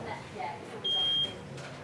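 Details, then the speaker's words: Bedside patient monitor alarm for a patient in A&E: a single high, steady beep; pulse shown as 78. "somebody will come you can't tell if it's a lead going off"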